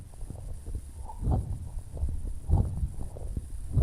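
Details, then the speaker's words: Teaching demonstration of coarse crackles (rales): low, rough bubbling crackles over the breath sounds, discontinuous added sounds, presented alongside pleural rubs and rales. "las crepitaciones se escuchan de esta forma acaso las crepitaciones los brotes pleurales los brotes pleurales los estertores estertores"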